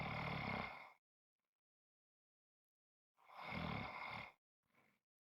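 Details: Two long, harsh, rattling snoring breaths with silence between and a faint third; loud snoring.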